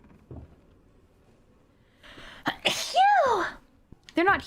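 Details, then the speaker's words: A quick inhale, then a loud, high, squeaky sneeze trailing off with a small second burst, during a livestream; ordinary sneeze. "oh yeah no he definitely heard me but I see I'm very quick at running see wow I'm so fast dummy you heard my sneeze sorry sheriff I couldn't help myself"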